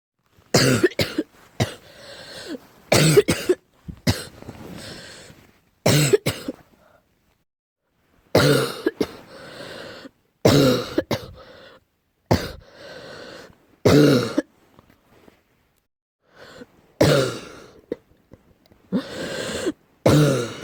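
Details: Repeated bouts of deep, forceful coughing, about 15 to 20 coughs in clusters with short pauses.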